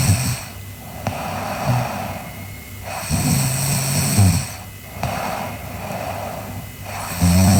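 Rhythmic low, rattling snores on the breaths in, about 15 breaths a minute, with a faint steady hum in the room; ordinary snoring.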